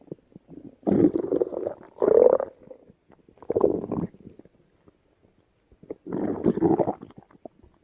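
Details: Stomach rumbling (borborygmi): four bursts of gurgling, bubbling rumbles with faint pops between.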